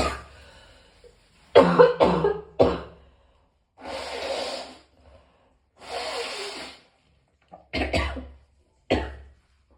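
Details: Bursts of harsh coughing with long, strained breaths between them from a person in extreme pain who vomited several times; a distressed coughing bout.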